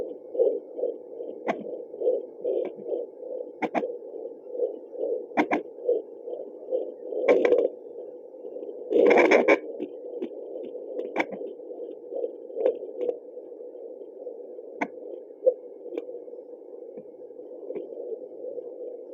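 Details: Fetal heartbeat heard through a handheld home fetal Doppler: fast, muffled, whooshing pulses broken by scraping clicks from probe movement.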